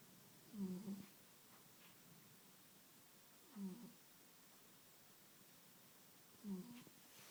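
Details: Cat sleeping and snoring lightly: soft, low, slightly buzzing snores about every three seconds, roughly 20 breaths a minute, in a quiet room.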